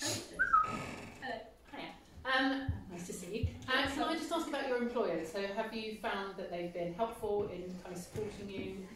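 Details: Adult speaker; typical speech.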